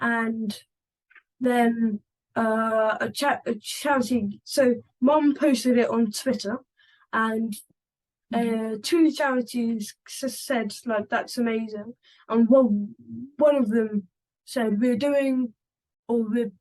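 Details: 11-year-old boy who stammers and makes stammering-awareness videos. Stammering.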